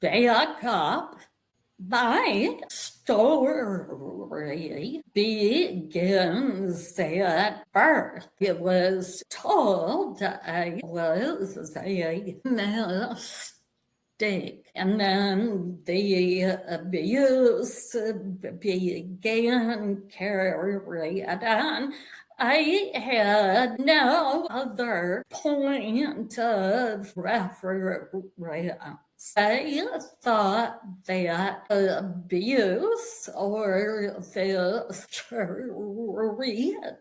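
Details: Vocal tremor in a woman; said to have developed as a physical manifestation of decades of narcissistic and emotional abuse that began at age five.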